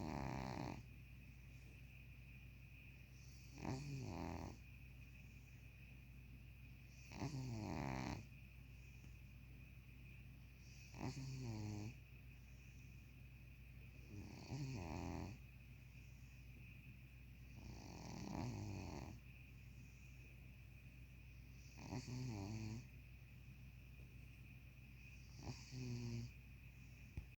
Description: My cat snores a lot, but this time it sounded like purring.